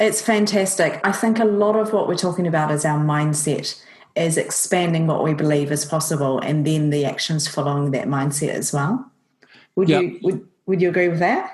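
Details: Adult man speaking; ordinary speech.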